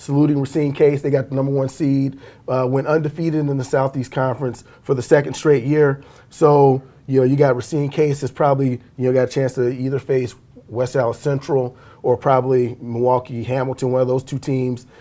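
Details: Adult male speaker; normal voice.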